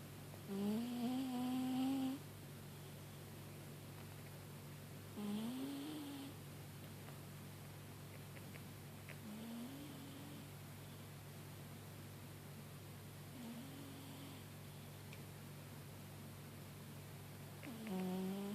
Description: My cat is snoring on the couch :)